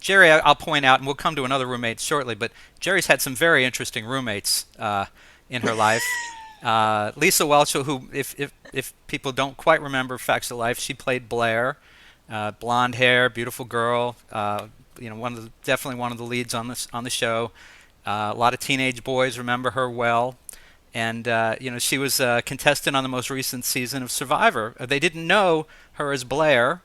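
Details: Adult man speaking; typical speech.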